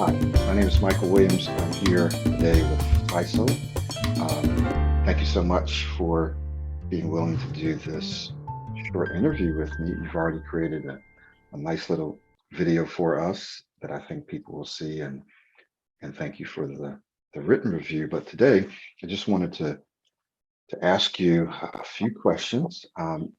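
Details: Adult male speaker; normal fluent speech.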